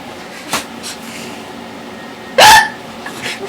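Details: One sharp, loud squeaky gulp over quiet room noise, with fainter sounds around it: an unusual-sounding, painful hiccup.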